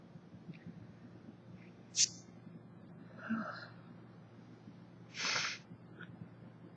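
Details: 24-year-old woman with summer allergies, recorded on an old phone that distorts the audio: two sharp, hissing sneeze bursts with a breathy intake between them, faint room noise; sneezing.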